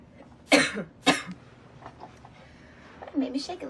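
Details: Girl coughing while smoking tobacco: two sharp, dry coughs in quick succession, then a short throat-clearing sound.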